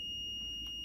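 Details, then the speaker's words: Zoll R Series defibrillator instructional demonstration in emergency department, pads upper right chest and lower left chest: high steady electronic tone with faint click as operator presses shock button after shouting clear for shockable rhythm. "Look up and down the patient to ensure all personnel are clear of the patient and no one is in contact with the patient. Press the shock button."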